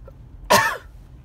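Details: A single short, harsh cough burst from an adult with quiet car-like background noise; the speaker attributes the lung cough to being "targeted" and says jogging helps cough it up.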